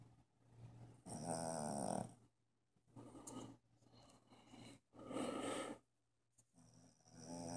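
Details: Sleeping dog snoring loudly enough that the owner woke her: rough, rattling breathing sounds about 16 a minute with pauses between, low room hum in background.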